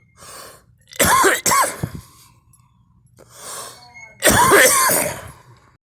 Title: me coughing